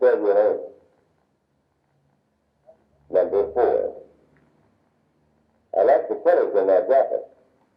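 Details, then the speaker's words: Speech with frequencies above about 1000 Hz filtered out and low frequencies (250–750 Hz) kept, audible but hard to understand: simulated high-frequency hearing loss. "demonstration you will experience speech as it would sound if you had some high frequency hearing loss yourself you will hear four sentences however they will not sound normal to you since some of the high frequency tones have been filtered out"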